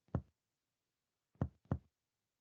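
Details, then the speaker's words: Percussion continued downward along the midclavicular line, below the lung's sub-dull zone: three short, flat, dull taps without resonance over the liver. Hepatic dullness, a normal finding. "Seguimos percutiendo y encontramos la matidez hepática."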